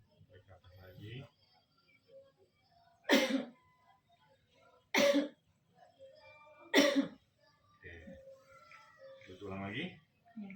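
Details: Adult woman with pulmonary tuberculosis, still weak with occasional nausea and dizziness, coached to inhale, hold and cough: three forceful single coughs between quiet breaths and low speech, an effective coughing exercise to bring up sputum; productive cough.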